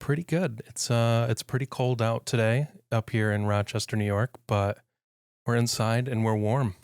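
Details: Adult man speaking; normal speech.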